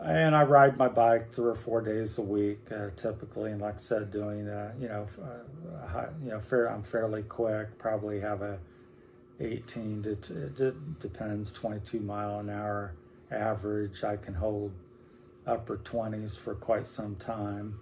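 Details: 60-year-old man with Parkinson's disease beginning about four or five years ago, first in the legs, now affecting whole body, speech and movement, with hand tremor: hypokinetic dysarthria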